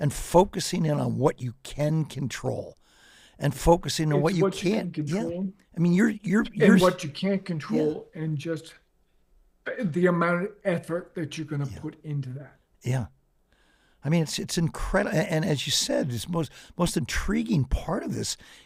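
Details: Adult man with late-stage ALS, diagnosed 4.5 years ago, paralyzed from the mid-throat down. He speaks using a ventilator to inflate his lungs and has difficulty speaking and breathing. Dysarthria in amyotrophic lateral sclerosis.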